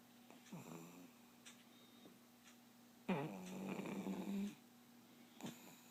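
Rough, rattling breaths during sleep, one long snore in the middle and shorter ones around it, in a quiet room; ordinary snoring.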